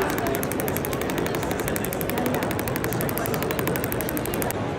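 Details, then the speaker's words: Radial shockwave device (Storz MP100) applied to the myotendinous junction of a female weightlifter in her 20s with mid-portion Achilles tendinopathy, after focused shockwave, in a live treatment; fast, steady clicking pulses like a rapid tapping machine. "so i had the initial treatment with the focus now i'm using the radial on treating the myogenerate junction because she has a bit of pain there as well so i use combination treatment with both the radial as well as the focus shockwave to get optimal effects"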